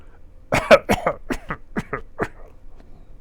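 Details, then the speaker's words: Older adult non-smoker with a wood burner who coughs at random and wakes coughing or choking, cause unknown. A run of about eight short, dry coughs in quick succession, fading at the end. "just like that yeah from some reason I start coughing"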